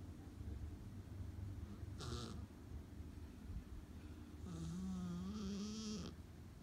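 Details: Snoring: low, steady rumbling snore with a brief hiss and a short whiny, nasal sound near the end.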